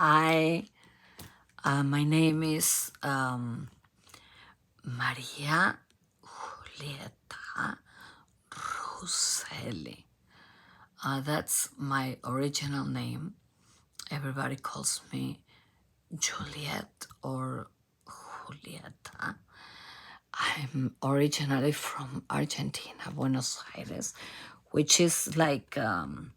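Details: Adult female professional singer from Argentina with abductor spasmodic dysphonia, in which spasms open the vocal cords. Onset was in 2015, and it is treated with Botox injections.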